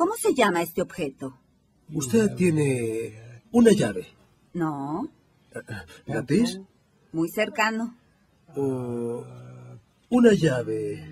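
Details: 55-year-old right-handed woman with nonfluent variant primary progressive aphasia, symptoms beginning almost three years earlier, repeating 'pa-ta-ka' rapidly with sound distortions and errors in sequencing; apraxia of speech in nonfluent primary progressive aphasia.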